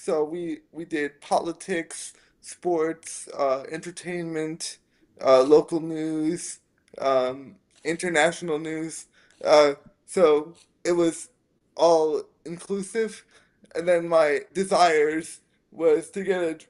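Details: Dysarthria in a 27-year-old man with spastic quadriplegic cerebral palsy from a brain injury at premature birth (born three months early as a triplet), affecting his motor function, balance and speech.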